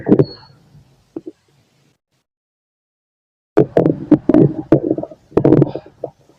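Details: A male's own stomach growling recorded through a stethoscope: low gurgling bursts and clicks, a silent pause, then a longer run of bubbling gurgles; active bowel sounds.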